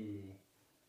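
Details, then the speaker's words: Normal egophony test (no egophony): during chest auscultation the patient says a drawn-out "E", heard as a brief, muffled voiced sound that keeps its E quality, more distinct at the top and less distinct toward the bottom. "he with the agophony it is normal that again the e sound is more distinct on the top and then less distinct towards the bottom"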